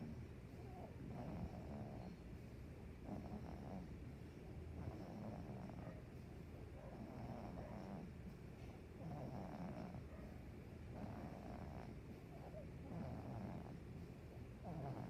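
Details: Baby girl snoring while asleep: soft, irregular rumbling snores at about 30 breaths a minute over steady room noise.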